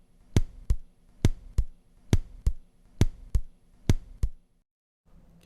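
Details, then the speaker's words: Simulated normal heart sounds at the xiphoid (tricuspid area), regular lub-dub about 68 a minute, first sound louder than second; normal heart sounds. "сейчас послушаем нормальные тоны сердца в области мечевидного отростка то есть там где лучше выслушивается трикоспидальный клапан по-прежнему первый тон будет громче чем второй"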